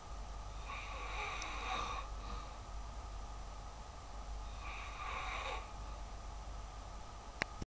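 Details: Two slow, breathy snores with a rough flutter, spaced about three to four seconds apart, against a steady background hum; snoring.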